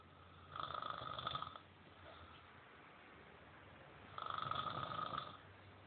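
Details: Two loud, buzzing, rattling snores on breathing in, about four seconds apart, with quiet breaths out between them. This is loud snoring from a man passed out after a night of drinking.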